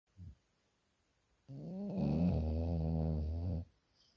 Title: snoring